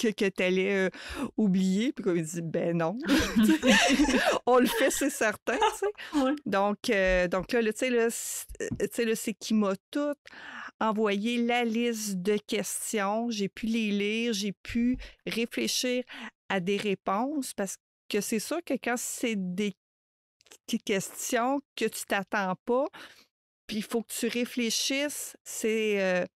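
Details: Adult woman who stutters, a mother of two adolescents; stuttering.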